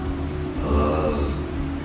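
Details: Wet, gurgly voice on 'oh' after a man swallows thin liquid during a bedside swallow screen; the clinician says water sits on his vocal cords, a sign of aspiration.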